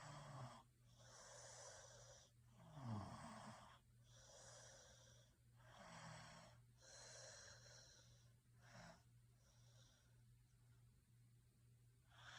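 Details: Quiet, irregular breathy snoring with soft hissing breaths, about 20 a minute, over a faint steady hum during sleep.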